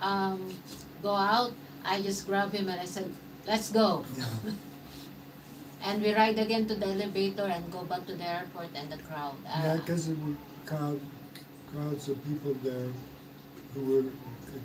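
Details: Mild aphasia after stroke in a man 115 days into self-therapy; restarts his sentence with hesitations.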